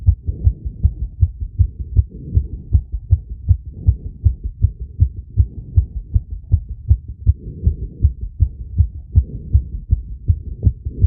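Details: Self-recorded heart sounds with real-time ECG after intense exercise: a fast, fairly regular heartbeat around 155-160 beats a minute, with a brief arrhythmia induced by breath-holding, rapid squats and exhalation.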